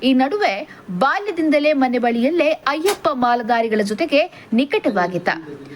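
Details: Adult woman narrating; Normal speech.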